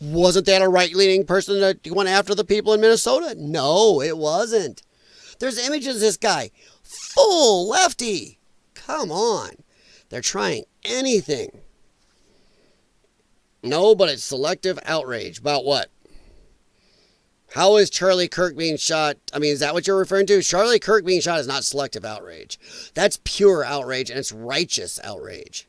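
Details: Dysphonia in a male speaker, who attributes it to vocal cord damage from infections related to his lung problem; he formerly sang in show choir and regards it as a disability.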